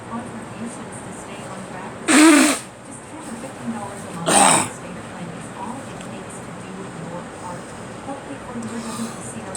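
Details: Two sharp, dry single coughs a couple of seconds apart during a live radio broadcast, with on-air talk in the background.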